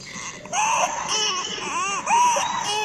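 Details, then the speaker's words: A young child cries with harsh, high-pitched noisy breathing in between: stridor, a key sign of acute upper airway obstruction. "Les muestro unos sonidos. Ese es un estridor laríngeo, ¿sí? Así se escucha."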